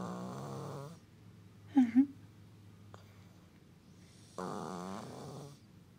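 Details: Sleeper in deep sleep, recorder unsure whether from a blocked nose or snoring: two rough, buzzing breaths with a pause and a brief soft voice between; snoring in a quiet room.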